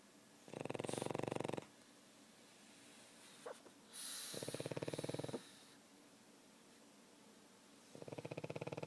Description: My Pug Oscar snoring.